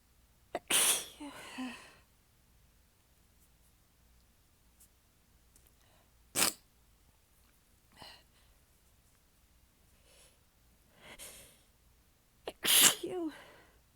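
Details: Repeated sneezes, some full and some weak or held back, with quiet gaps. A prolonged sneezing fit; the person is exhausted with sore abs and stifling the sneezes. The fit was recorded across clips in changing positions, including lying facedown on the floor.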